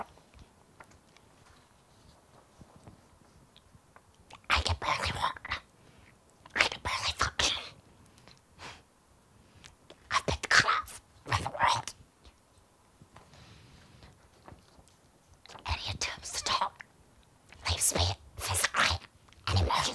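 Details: Woman with spasmodic dysphonia who says she can no longer speak normally, talk on the phone or hold casual conversations; spasmodic dysphonia.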